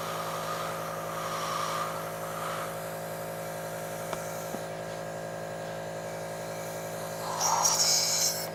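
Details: Steady motorized hum and buzz of a nebulizer compressor during an adult's home asthma breathing treatment with bronchodilator medication.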